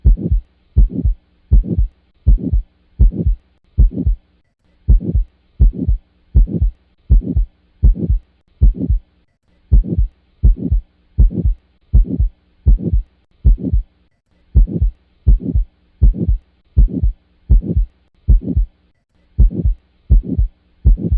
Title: Heart sound || Aortic stenosis and pulmonic stenosis